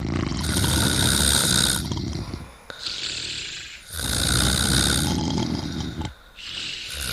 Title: Snoring+man+and+snoring+girl+in+a+bubble+and+on+a+bubble ID ufHOigAeQzqjoveTkQfe g==